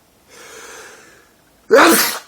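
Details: Adult with daily allergy-related sneezing (5–50 sneezes a day since 2011; doctor says allergic to dust, pollen, trees): a drawn-in breath, then one loud explosive sneeze.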